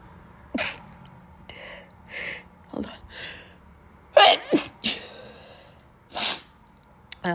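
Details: A run of sharp, explosive sneezes with gasping in-breaths between them, from a person who says they can't stop sneezing after a week in hospital for stomach issues; sneezing.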